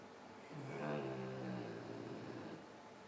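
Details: A single low, buzzing snore on the in-breath, about two seconds long, over steady room noise; a noisy sleeper snoring.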